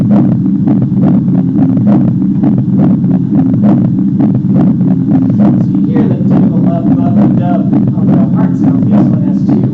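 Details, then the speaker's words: Pericardial friction rub: heart sounds with a scratchy, crackling rub over each beat, like a Rice Krispies popping, typical of pericarditis, often viral and sometimes with fever. "There's also kind of like a rice crispy kind of popping kind of sensation."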